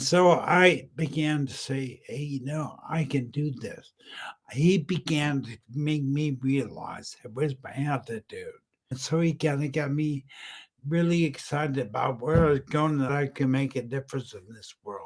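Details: Male stroke survivor, 10 years after a brain aneurysm, coma and massive stroke, with aphasia; he was totally unintelligible at first and a mentor identified ataxic dysarthria; ataxic dysarthria.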